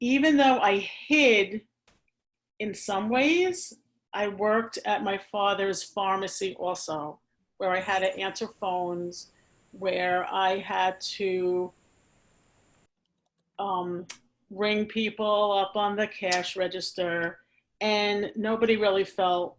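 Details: Adult woman, a speech-language pathologist who has stuttered since age four, severely during school, with a father who also stutters; she uses pausing, easing into words and prolongation strategies and finds s-sounds hardest; stuttering (stammering).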